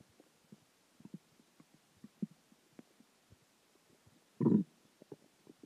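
Scattered small gurgling pops, then a short loud growl near the end: stomach growling as gas and fluid move through the bowel.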